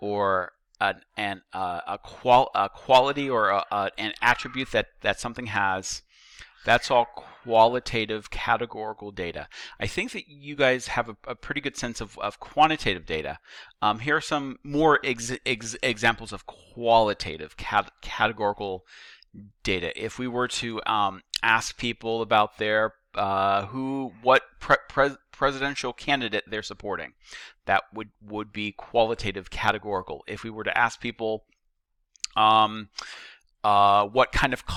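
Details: Stuttering in a male teacher who says he stutters; he notes that the repetitions heard are his own stuttering, not video buffering.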